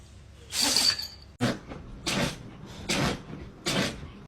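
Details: Several short, sharp, hissing bursts in quick succession; dogs sneezing repeatedly.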